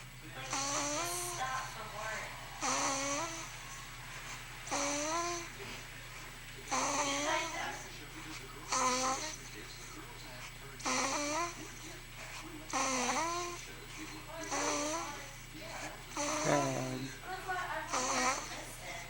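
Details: Baby boy sleeping: regular squeaky, voiced snoring sounds about 31 times a minute, one with each breath.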